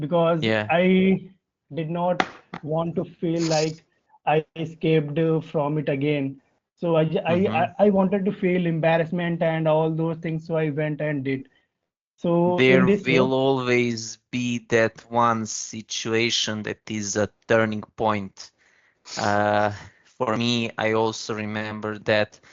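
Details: Adult man from India with real, persistent stuttering that began in early childhood, around class one or two, and still affects his speech in meetings; finding: stuttering.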